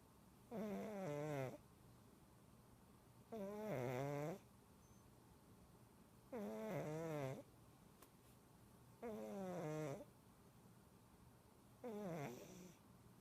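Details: Giant 21-lb cat snoring loudly: five regular snores, each about a second long, at about 22 breaths a minute, with quiet breathing between them.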